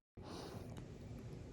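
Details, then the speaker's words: Golden Retriever and Border Collie dogs sleeping on the owner's bed, with one continuous, low, rumbling, thunderous snore in a quiet room; snoring. "前方高能！真的是鼾声如雷啊！"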